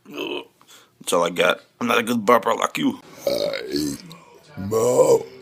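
Several loud, drawn-out voiced belches with a rough, gurgling quality. Ordinary burping, with music faint in the background.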